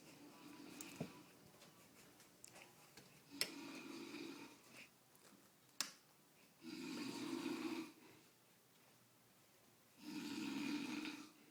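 Rough, fluttering snores on the in-breath, about every three to four seconds, with a few clicks and quiet breathing between them.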